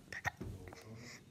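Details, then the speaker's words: A child (girl) gives a short, sharp hiccup, a sudden catch of breath with a small voiced click, during a bout of hiccups while talking. "but it's not because I'm losing my voice is because I have a bit of hiccups and I don't really like having hiccups"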